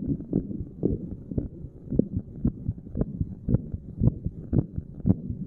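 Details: Regular low thumping resting heartbeat of a person sitting, recorded at a random chest spot, paired beats about 56 a minute with some rubbing noise; normal heart sounds.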